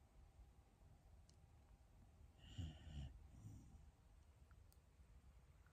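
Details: Shiba Inu dog snoring in sleep: a quiet, brief snorting snore with faint whistling, set against low background rumble.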